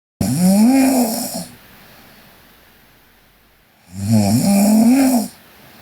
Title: Sleeping Korean Girl Snoring (PNGK) Part 3